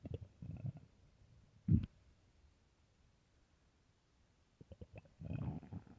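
Soft low gurgles and rumbles come in short bursts with quiet gaps: ordinary stomach growling, a normal sound of gut movement.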